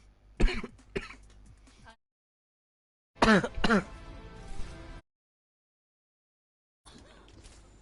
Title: hard coughing